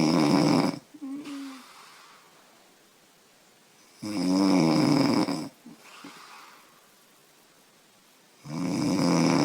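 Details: 25-year-old woman snoring loudly; she says she snores loud when she has been drinking beer.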